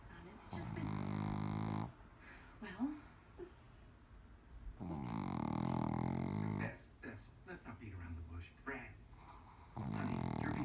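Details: Female who constantly snores: low, buzzing snores recurring every few seconds in sleep, with television dialogue in the background.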